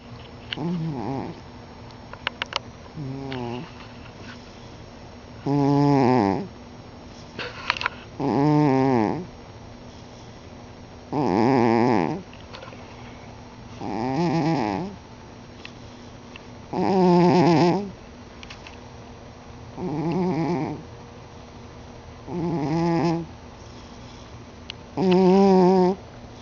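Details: Overweight cat snoring loudly while asleep, which it does daily: loud, rattling snores roughly every three seconds with quiet pauses between.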